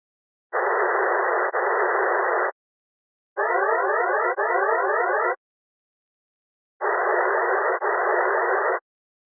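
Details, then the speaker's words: Audible Contrast Threshold (ACT) hearing-in-noise test stimulus: three two-second bursts of band-limited noise, the middle burst carrying a sweeping siren-like tone the client must detect. "as soon as you press start your client will hear episodes of noise the test starts at 16 DB NCL press only once to deliver the siren at this intensity"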